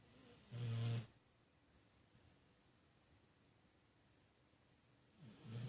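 Two low, rumbling snore sounds about five seconds apart, with quiet breathing between them: snoring.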